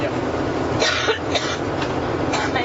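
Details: About four short, dry coughs in a row from a woman at a press conference aboard her campaign plane, partly masked by steady engine drone.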